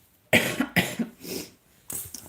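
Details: An adult recovering from a lingering summer cold gives a short run of about three to four sharp, dry-sounding coughs in a quiet room.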